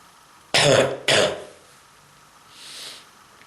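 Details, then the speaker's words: Cough in a person with severe bronchitis and throat and chest pain: two harsh, loud coughs in quick succession, followed by quiet. "Pain on my throat and on my chest because of this strong bronchitis."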